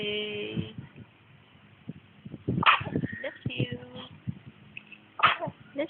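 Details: A dog gives two sharp, explosive sneezes a few seconds apart, with a human voice heard briefly earlier; double sneeze.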